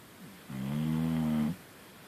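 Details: Snoring with one steady, buzzing snore of about a second with a clear droning pitch in a quiet room.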